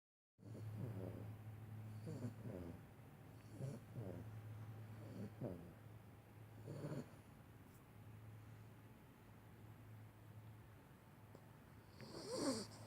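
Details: 10-week-old Pitbull puppy asleep: soft, low, whistling snores and snuffles over a steady faint hum; ordinary puppy snoring.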